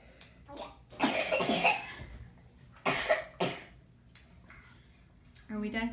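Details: A child gives a run of harsh, noisy coughs, with brief voices in a small room. Cough.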